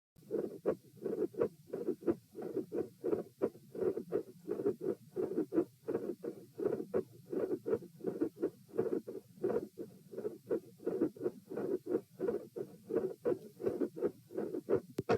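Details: Heart sounds recorded at position P while seated, compared across two tests: steady muffled heart thumps through a stethoscope at roughly 85 beats a minute.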